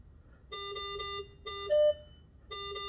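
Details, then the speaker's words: A Datex-Ohmeda Aestiva/5 anesthesia machine gives repeated electronic beep bursts, then a higher single tone. Its O2 sensor calibration at 21% failed because nothing was hooked up. "calibrating and it failed because we don't have any thing hooked up like we should"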